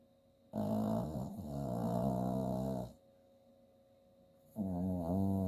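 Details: Bailey, an 8-year-old female chihuahua–Jack Russell terrier mix rescue, snoring while asleep and dreaming: loud rumbling snores, two long rattling breaths a few seconds apart, over faint room hum.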